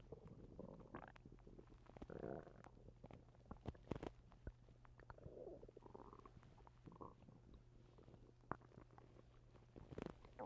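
Gurgling, bubbly stomach rumbles with scattered small pops and clicks; ordinary bowel sounds.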